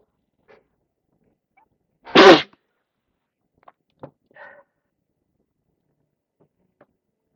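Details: Sneezing on day 3 or 4 of a cold with heavy congestion: a single sharp, forceful sneeze followed by faint sniffs and small noises, in a quiet room.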